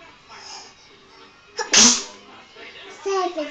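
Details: A child sneezes during reading: an inhaled catch, then a single sharp, hissy sneeze, followed by soft speech; an ordinary sneeze.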